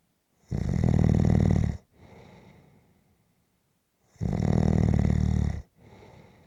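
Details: Loud, deep rattling snores on each breath in, with softer breaths out between them, during a nap; ordinary heavy snoring.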